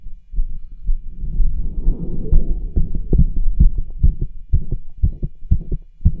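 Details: Rapid heartbeat with scratchy, whooshing murmur and rub sounds between beats, recorded with a cardiology stethoscope over the tricuspid, aortic and pulmonic areas while the patient does pushes to raise his heart rate.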